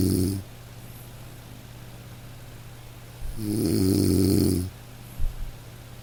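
Two soft, low rumbling snores from a sleeping dog over a steady hiss of light rain; gentle, ordinary sleep snoring.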